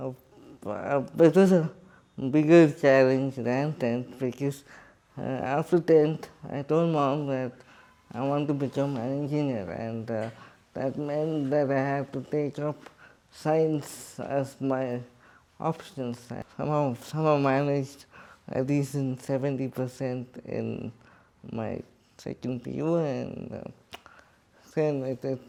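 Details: Adult man with cerebral palsy who describes himself as quadriplegic, speaking in his own voice in an interview; dysarthria (cerebral palsy).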